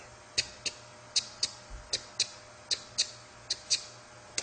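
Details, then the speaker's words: Vocal imitation of mechanical prosthetic mitral and aortic valve replacements: sharp metallic clicks in pairs, about 77 a minute; prosthetic first and second heart sounds. "and with the atic Val replacement you will get a prosthetic second hat sound and it sound like this and alternatively they could have both valves done in which case they sound like"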